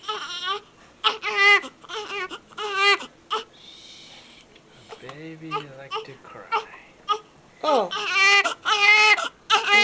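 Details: Newborn on its first day of life crying in repeated bursts with short gaps for breath, an adult talking softly alongside.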